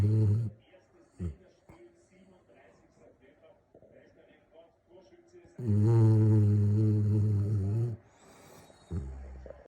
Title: Magyar Vizsla snoring